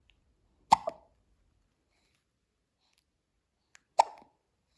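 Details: Newborn baby girl's first hiccups, on her first morning.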